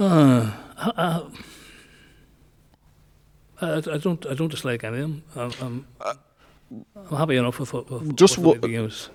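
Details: Male nearly 65 with Parkinson's disease who noticed a voice change before diagnosis and has word-finding difficulty; hypokinetic dysarthria (Parkinson's disease speech).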